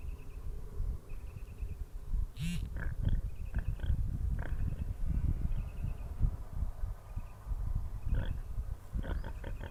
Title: snoring pigs